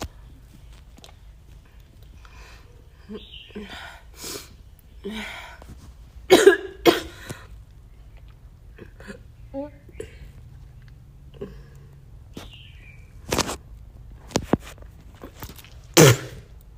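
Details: Chinese woman coughing and vomiting; scattered harsh coughs and throat-clearing with retching effort in a quiet room, brief voice sounds between; cough.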